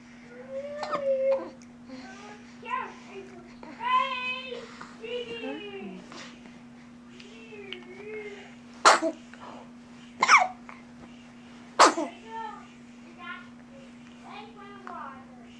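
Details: Baby cooing and babbling in the morning, broken by three short, sharp sneezes over a steady background hum; infant sneezing.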